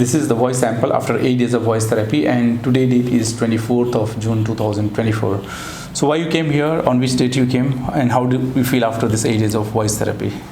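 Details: Adult male speech-language pathologist; Normal adult male speech.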